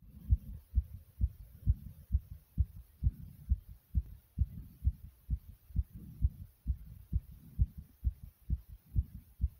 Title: My Heart Pounding Loud